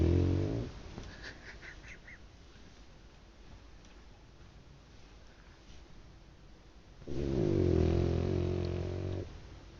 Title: Dog snoring loudly .